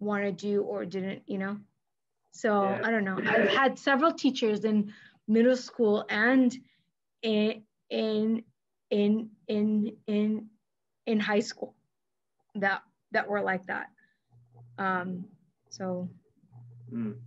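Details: Adult woman who stutters and is a speech-language pathologist, with silent blocks when younger and later fillers, and past covert stuttering periods; here part-word and whole-word repetitions, showing stuttering.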